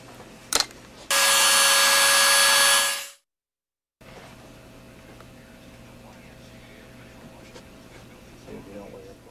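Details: Dental handpiece grinding during adjustment of an oral appliance, relieving pressure spots, for a woman with complex TMD and extreme movement disorder: a loud, steady high whine for about two seconds, then quiet room noise.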